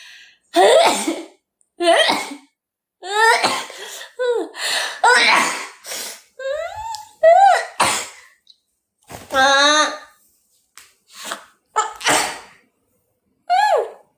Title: Thai Girl Sneeze 4